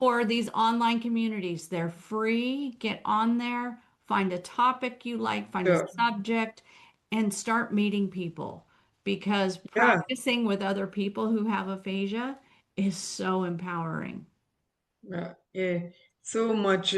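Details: Adult woman speaking; typical speech.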